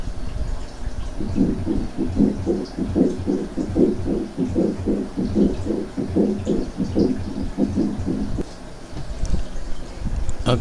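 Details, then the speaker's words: Teaching demonstration of a pericardial friction rub: harsh, scratchy sounds with every heartbeat at about 75 per minute. Typically the patient reports precordial pain, often with an infection. "ese es el ruido lo que nos daría a nosotros un frote pericárdico desde luego que es un ruido que se puede apreciar fácilmente pero se puede confundir con muchos otros ruidos"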